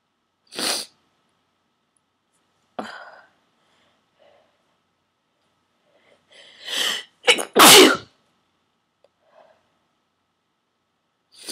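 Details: Several forceful, explosive sneezes, the last in quick succession with quiet gaps between, induced with a plastic garment tag holder; eyes streaming, nose raw and stuffy.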